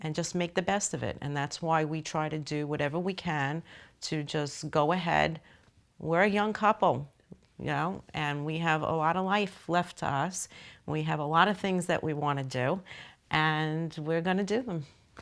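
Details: Adult woman speaking; Normal speech.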